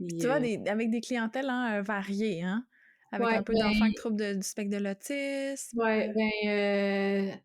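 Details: Adult woman speaking French; typical speech.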